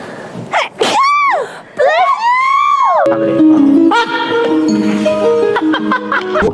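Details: K-pop idols sneeze twice, voiced and high-pitched, in quick succession, followed by upbeat music.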